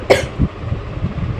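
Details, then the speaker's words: Single short, sharp cough from an adult woman who is sick with a cough, sore throat and hoarse voice, followed by low background rumble; cough. "भाऊ मी अ जवळ नको येऊ तुला बी होईल खोकला नाहीतर काय"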